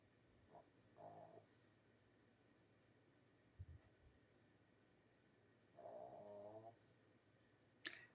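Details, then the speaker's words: Dog snoring: two soft, rough breathing noises about five seconds apart, with a faint click at the end in a quiet room. "And you can hear Wanda snoring."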